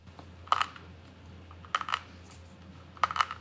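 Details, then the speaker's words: Acted portrayal in a mockumentary horror film: three sharp clicking pops of jaw clicking, character says he has TMJ disorder; simulated, not a real patient. "you hear that? I have TMJ, and I can't fucking get rid of it!"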